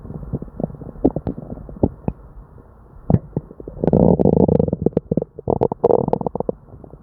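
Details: Frequent gurgling and rumbling stomach noises with bursts of louder churning; hyperactive bowel sounds with an upset stomach and diarrhea.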